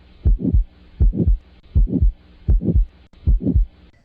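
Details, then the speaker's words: Regular heartbeat near 80 a minute with the crescendo-decrescendo systolic murmur of aortic stenosis, starting shortly after S1 and often preceded by an ejection click; loudest in the aortic area and radiating to the carotids. "this results in a crescendo decrescendo or a diamond shaped murmur which starts a short moment after s1 it is often preceded by an ejection click caused by the opening of the stenotic valve"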